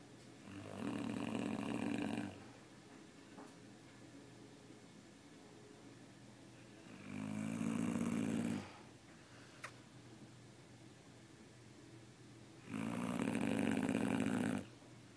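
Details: Long, rough, low snores from a sleeping Great Dane dog, about 12 breaths a minute with quiet pauses between; snoring.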